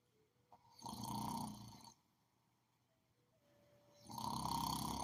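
Two long, loud, rattling inspiratory snores about three seconds apart, with quiet between; ordinary snoring.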